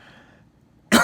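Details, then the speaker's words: One sudden, forceful cough burst from an adult on day 4 of a 10-day isolation; fever has reduced but the cough has gotten significantly worse. "yeah so day four of ten of the quarantine since finding i i've covered um the fever's reduce the cough has gotten worse"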